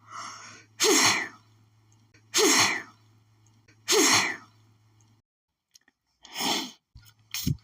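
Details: Allergic sneezing fit set off by perfume, which lately makes her sneeze at nearly every scent, with hitching all day: about five rapid, forceful sneezes, each after a short catching intake of breath.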